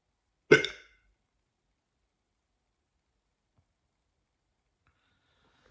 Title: Woke up with hiccups